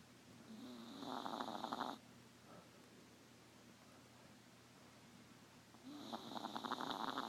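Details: A 3-pound apple-head teacup chihuahua asleep in the dark gives two loud, rattling snore bursts about four seconds apart, with quiet breathing between; snoring.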